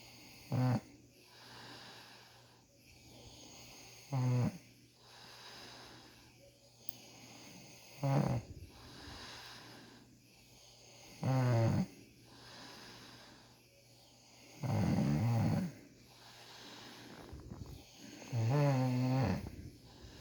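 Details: Man having tough ingrown beard hairs treated, snoring loudly: rattling snores on each breath in, about 16 a minute, with quieter breathing between.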